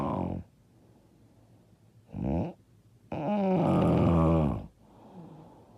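Loud, rough, rattling snores during sleep, three noisy breaths with pauses between them, the last long and harsh.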